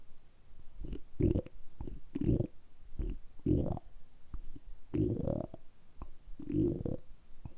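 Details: Deliberately produced stomach rumbling recorded for ASMR: repeated deep, rolling, loud gurgles about once a second; borborygmi.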